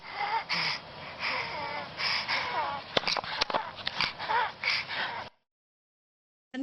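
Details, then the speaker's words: Wheezing example played for asthma in children: rapid noisy breathing with high whistling, squeaky sounds through each breath, from narrowed airways. "So, to try and help everybody understand what wheezing is, we've got some examples of sound clips of what squeezing sounds like."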